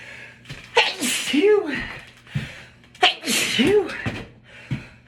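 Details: Person sneezing at work without wearing a mask: two forceful sneezes, each with a sharp inhaled lead-in and explosive voiced burst, with brief murmurs between.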